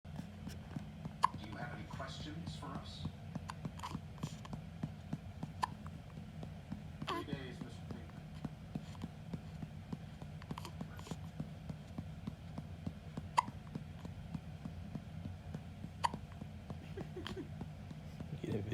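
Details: A baby girl gives small, sharp hiccups every few seconds while her father burps her with steady, soft back-patting; ordinary infant hiccups.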